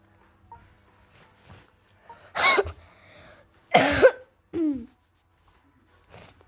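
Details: Person who says they are sick gives two sharp, dry coughs in a quiet room, followed by a short voiced sound; illness cough.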